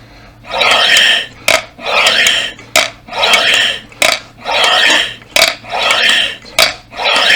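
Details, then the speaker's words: Adult man using a three-ball breathing exercise device, about six forceful blowing breaths each followed by a sharp quick intake, feeling abdominal muscles work; breathing exercise device in use. "bunu üflediğinizde sonuna kadar üçünü de yukarı kaldırdığınızda karın kaslarınızın çalıştığını Ee hissediyorsunuz"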